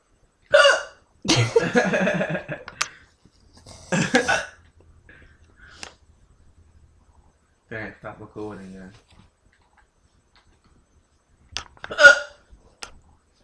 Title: Hiccups Smh